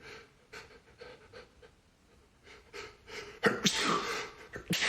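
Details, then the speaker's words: Allergic sneezing fit in an adult man, likely triggered by a pet Persian cat; quick panting breaths build into several increasingly forceful sneezes in a row. "Oh my gosh, I don't know what in the world that I came in contact with today, but it has tickled my nose something fierce. And yeah, I just can't stop sneezing."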